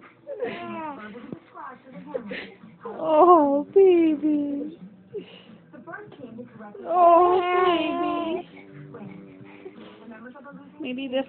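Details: Baby girl crying, scared by her father's snoring during his nap: short rising and falling wails with pauses and whimpers, over quiet background music.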